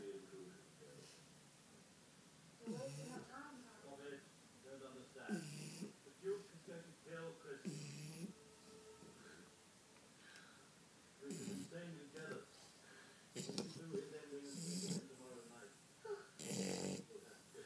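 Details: Shar Pei snoring: irregular snorting, grunting snores with wet, fluttering noises and snuffles on breathing in and out; noisy sleep breathing.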